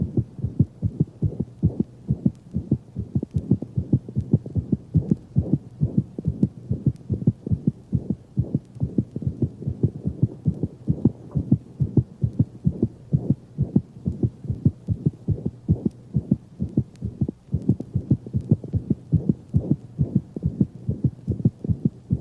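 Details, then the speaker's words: Dog, loudest at the mitral position and rarely radiating: steady heartbeat with clear first and second sounds and a soft, higher-frequency, early-to-mid systolic anemic murmur. "the anemic murmur is loudest at the mitral position and unlike that of mitral insufficiency rarely radiates to other portions of the thorax"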